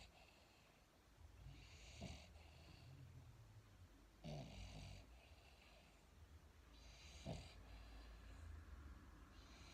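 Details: Sleeping dog napping after eating: low rumbling snores with hissy, snuffling breaths, about three breath cycles over ten seconds.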